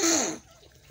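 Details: Early-morning sneeze from a person with itchy eyes during a nose-blowing session: a single short, sharp burst of air fading within half a second, the tail of a sneeze.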